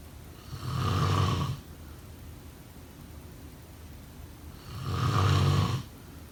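Two loud, rough snores on breathing in, about four seconds apart, with quiet pauses between; typical snoring.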